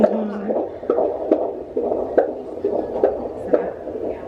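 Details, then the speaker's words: Doppler fetal heartbeat in late pregnancy during a check before a planned unmedicated birth: rhythmic whooshing pulses at a steady normal rate, baseline 149; normal fetal heart rate. "there's his normal heart rate. He isn't all going crazy in there. That's what he does sometimes."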